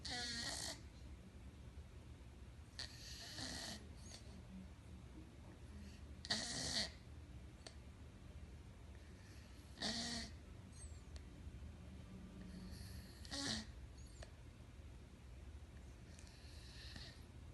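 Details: Snoring during sleep: soft, irregular snorting breath noises recurring every few seconds against a quiet background.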